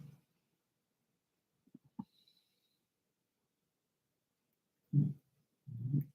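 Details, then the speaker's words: Snoring from a sleeping female dog lying under a fan on a humid day: low, rough rumbling bursts a few seconds apart, with faint clicks between them, in an otherwise quiet room. "My damn dog snoring over here. I don't know if you guys can hear. I never seen a dog that sleeps so much in my damn life. She's like snoring out of control behind me."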